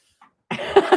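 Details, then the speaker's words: An adult still hoarse after a recent flu gives a single rough, partly voiced cough burst: a lingering post-viral cough. "You can still hear the hoarseness in my voice and a little bit of this cough residual."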